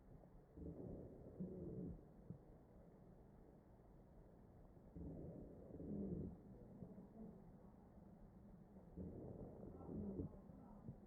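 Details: Wheezing in a mechanically ventilated patient, recorded through the chest.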